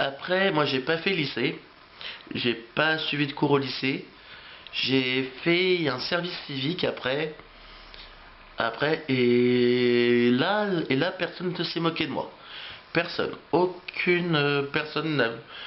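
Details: Adult male French speaker who has stuttered since age three, with repeated phrases; stuttering.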